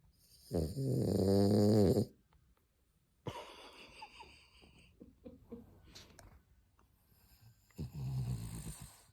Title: Sleepy French Bulldog Snores 💤 😴